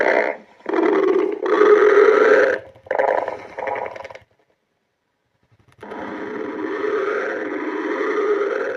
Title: stomach growling